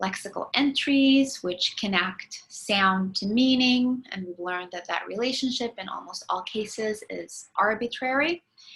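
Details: Adult woman lecturing; typical speech.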